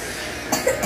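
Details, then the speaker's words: Infant in hospital, on antibiotics, still coughing; two short infant coughs under loud steady background noise, while the baby has just started eating again in small amounts because of vomiting. "So, ito po yung baby natin. Ubo-ubo pa rin. Basta naka-antibiotic na siya, guys."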